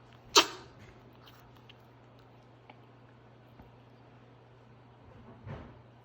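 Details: Small pet given ferret lax, with a hacking cough for a few days that sounds worse today, this bout starting after a nightmare; later diagnosed with severe respiratory infection and rare autoimmune disorder. One sharp harsh cough, then a weaker one.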